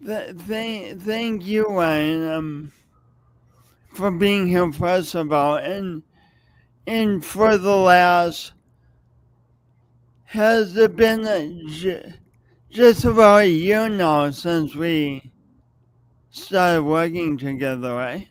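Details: Adult with a long-standing speech impediment, audible whenever they speak and present for many years; stuttering.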